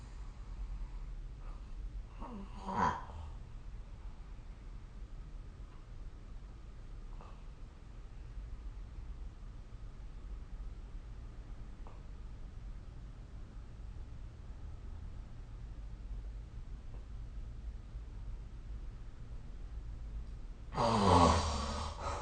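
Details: Snoring recorded with the SnoreLab app: faint, soft snores recurring about every four to five seconds over steady room hum, ending in a louder snort during sleep.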